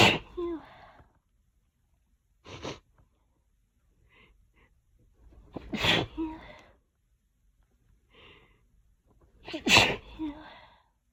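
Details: Three sharp sneezes in quick succession, each with a breathy intake and soft trailing sound, during nonstop allergy sneezing that lasted about 20 minutes.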